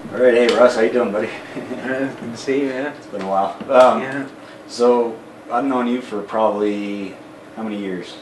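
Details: Adult male speaker; normal speech.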